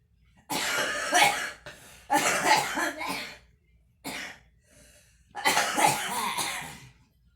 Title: girl smoking and coughing